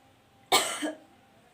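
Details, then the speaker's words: Simulated effective cough demonstrated in a nursing chest physiotherapy practice, after postural drainage and percussion, with a sputum pot held to catch secretions: a single strong, forceful cough to clear secretions. "Disini saya akan melakukan batuk efektif"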